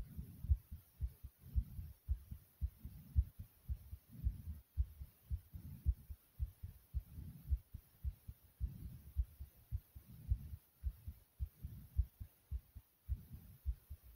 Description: my heartbeat was thumping after doing 35 jumping jacks i hope you guys enjoy it very much.